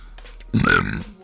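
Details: Woman burping while streaming: a single loud, voiced belch lasting about half a second.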